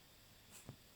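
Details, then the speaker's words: Dog on a couch at night gives a single soft, quick sneeze: a brief airy hiss and small nasal snort in a quiet room. "that they get covered in hair and dogs knots because as you can hear he's having a little dog sneeze he's so cute"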